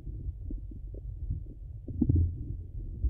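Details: Low gurgling and bubbling abdominal sounds with a louder gurgle midway; ordinary bowel sounds.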